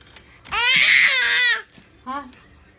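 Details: Baby in a play yard: a loud, high, wavering wail about a second long, then a shorter cry; infant crying or squealing in a small room.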